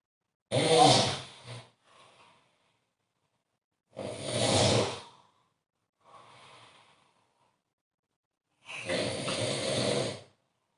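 Slow, loud snoring breaths about 16 a minute, each harsh rattling breath followed by a softer one; ordinary snoring.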